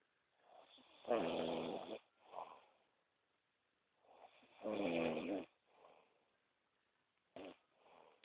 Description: my mate in amsterdam snoring at 6am...couldnt sleep!!!